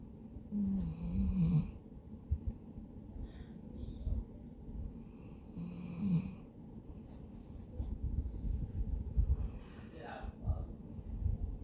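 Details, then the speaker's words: A female pet dog in deep sleep snores in low, rattling breaths, with faint television sound in the background: snoring. "Y'all listen. This is my dog snoring. She is sleeping really hard."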